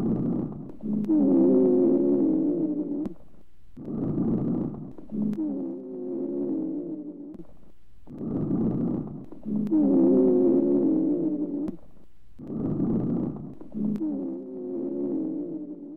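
Musical whistling sounds recur with each breath, a high-pitched expiratory wheeze from narrowed airways.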